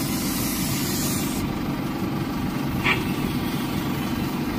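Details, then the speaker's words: Continuous low rumbling hiss of an ear suction machine with a brief gurgle as wax is drawn in, clearing a child's ear canal blocked by earwax causing hearing loss, after a week of softening drops; ENT ear cleaning. "এই দেখেন এটা টেনে নিয়ে আসে বাতাসে আপনি যখন cotton দিবেন কি হবে এই"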